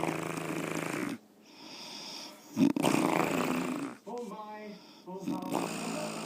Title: More Snoring Girlfriend